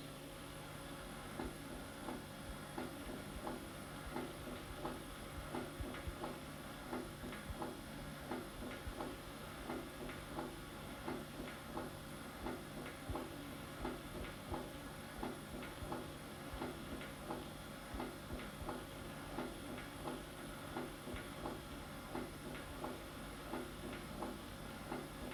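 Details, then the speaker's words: Regular heart sounds with a sharp early diastolic opening snap and a low diastolic rumble; mitral stenosis, a late sequela of rheumatic fever that can cause left atrial dilatation. "during diastole often a late and highly specific sequela of rheumatic fever chronic mitral stenosis can result in left auricle dilatation"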